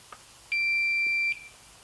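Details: Single steady high-pitched power-on beep under a second from a Philips OnSite AED with the pediatric/infant pad cartridge (for patients 55 lb or less), before spoken prompts; training demo on a mannequin with foil for pad connectivity.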